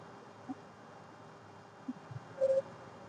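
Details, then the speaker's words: Stethoscope on the abdomen, checking quadrants clockwise starting at the right lower quadrant: quiet listening with a few brief clicks and a short gurgle. Normal bowel sounds. "7 to 35 sound पर minutes आएगा। अगर नहीं आता है तो तीन से 4 minute 5 minute breed करना है। जैसे इसमें आ रहा है।"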